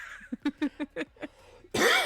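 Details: Podcast host still a little sick: a quick run of about six short hacking cough-like bursts, then a burst of noise.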